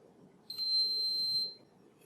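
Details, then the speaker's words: Single steady high electronic tone about one second long as an EnteraLite Infinity enteral feeding pump is switched back on after refilling the bag during a home tube-feeding demonstration; feeding pump power-on tone. "once the bag is refilled we'll turn the pump back on"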